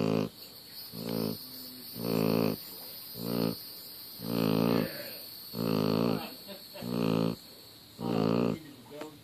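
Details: Sleeping Great Pyrenees dog snoring: loud, deep, rough rumbles repeating about 50 times a minute with quieter gaps between them.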